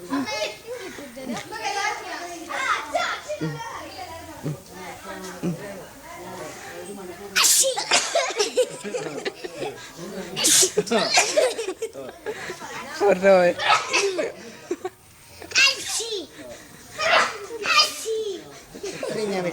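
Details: Comedy scene, snuff inhaled: several sharp sneezes break through lively group talk and laughter.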